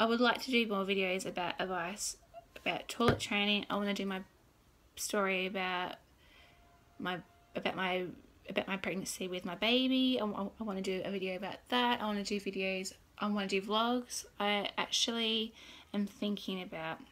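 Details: Adult woman with stuttering since birth, noticed at age 2–3, worse since starting school; had speech therapy for one to two years; father also stutters; worse when tired or excited; particularly bad on the recording day; stuttering.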